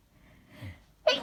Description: Just a few morning sneezes from this morning I was trying to be quiet by stifling them as people were asleep in the next room and I didn't want to wake them..